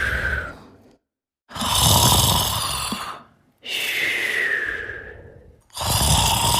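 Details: Snoring during sleep: loud, rough, rushing breaths in slow cycles, about 28 a minute, with brief silent gaps between.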